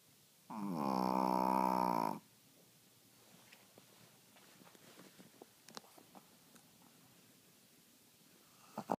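One long, loud, buzzing snore, then quiet rustling and faint clicks; snoring in a sleeping dog.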